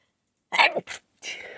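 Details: Partly stifled sneezes from a nose tickle that was held back: a sudden hissing burst, a second short burst, then a breathy exhale.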